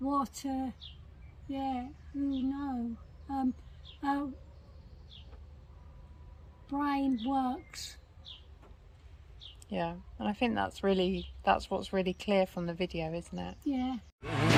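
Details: Woman with aphasia for 17 years after a 2005 stroke at age 46 affecting language centres, initially only three words, since regaining language; apparently reading aloud with word repetitions; aphasia.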